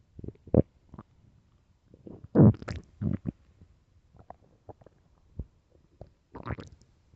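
Loud, irregular gurgling growls and squeaks with pauses in between; normal stomach rumbling (borborygmi).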